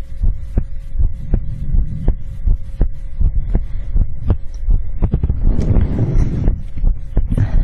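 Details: ASMR heartbeat recording: steady dull thumps at about 80 a minute over a low hum, with brief rustling near the end; an ordinary adult heartbeat, normal.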